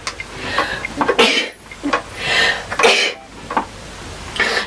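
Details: Sneezing in a girl: several sharp, explosive bursts of air with short breaths between them, a run of sneezes.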